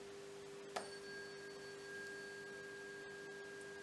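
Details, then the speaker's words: Weber test: struck tuning fork placed on the forehead gives a steady pure ringing tone. The patient hears it more on the right, so sensorineural deafness in the opposite (left) ear is suspected. "So now I'm going to perform another test called the Weber's test, and I'm going to place it in on your forehead."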